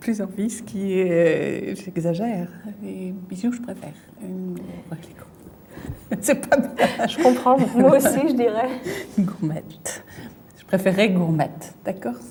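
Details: Fluent aphasia in an adult female with a brain lesion: fluent speech with word-finding difficulty, substitutes one word for another and distorts words while searching for a word during picture naming.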